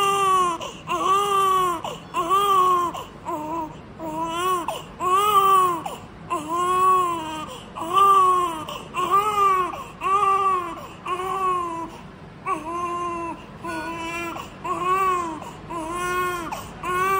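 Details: Newborn described as a big baby weighing 5 kg, crying rhythmically at about 50 short wailing bursts a minute, strong and clear-voiced; a normal newborn cry.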